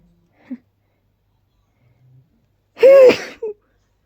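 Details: Allergy sneezing with intense tickle and build-ups: faint catches in the breath, then one loud, powerful, voiced sneeze that is partly held back, an unsuccessful attempt to stifle it.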